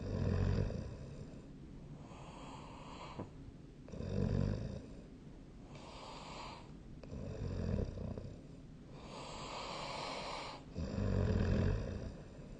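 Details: Regular, low, rattling snores with each breath, about 16 breaths a minute, with a quieter out-breath between them; snoring during sleep, recorded with a snore-tracking app.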